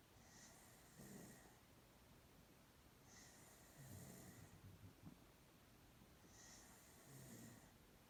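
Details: Girl sound asleep with soft, low snoring breaths at a steady pace, about three in eight seconds, over faint room hiss.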